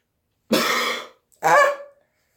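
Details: Person with a cough and mucus, clearing throat while in the shower. Two rough, harsh throat-clearing bursts a moment apart, each with a short guttural rasp; ordinary throat clearing.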